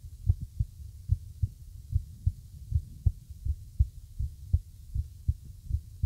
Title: Irregular Heartbeat